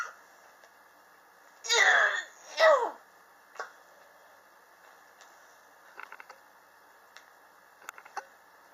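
Two harsh coughs close together, then faint room noise and small clicks. The cough is long-standing, lasting about three years.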